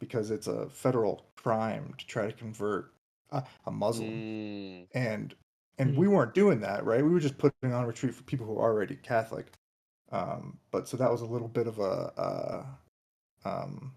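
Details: Adult man who states he has a stutter, speaking naturally as a podcast guest; finding: stuttering.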